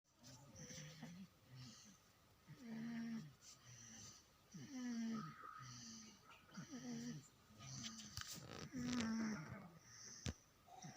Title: snoring baby